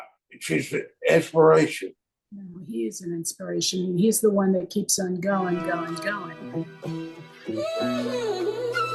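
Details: Aphasia resulting from stroke in a woman, a stroke survivor of 24 years, living with chronic post-stroke aphasia.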